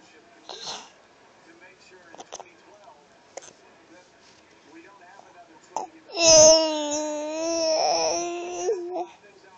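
A few faint soft clicks and small sounds, then a short tonal wail with a rising and falling pitch: a brief infant cry or fuss.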